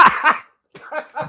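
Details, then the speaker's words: A harsh, rough cough burst at the start, a short pause, then voiced laughing pulses: a cough during laughter. "Oh, did you hear the cough that came out with that laugh?"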